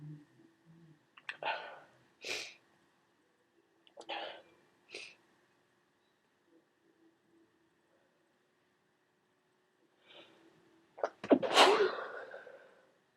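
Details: Several wet, explosive sneezes from someone with a cold who took a decongestant, some preceded by a brief intake, ending in one loud, messy sneeze; quiet room.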